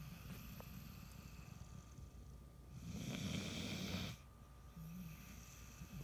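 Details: Person snoring.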